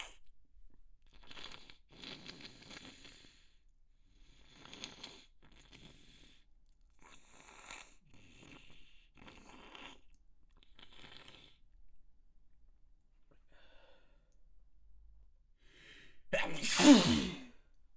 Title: Very Messy Sneezes